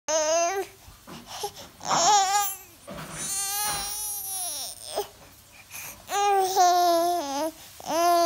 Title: Fake crying baby